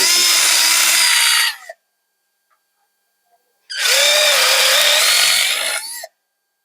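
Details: A power drill gives two bursts of high motor whine, each under two seconds, boring femoral peg holes for rotational stability during a revision hinged knee replacement.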